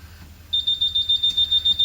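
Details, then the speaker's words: SLE2000 pressure-controlled infant ventilator during an education demonstration: rapid repeating high-pitched electronic beeps start abruptly as the high PIP alarm is deliberately triggered; ventilator high pressure alarm. "and there's a high pressure alarm because I've set the alarm to higher than what I've set."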